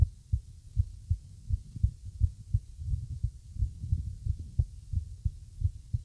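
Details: Rapid low heart thumps with uneven spacing between beats; an irregular heartbeat.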